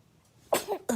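A single quick, sharp infant sneeze burst after a brief quiet lead-in, followed by the start of an adult voice.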